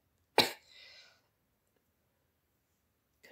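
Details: Adult woman with a cold, headache, sore throat and feverishness, speaking softly in an ASMR roleplay: one sharp cough burst followed by a breathy trailing exhale; cough from a cold.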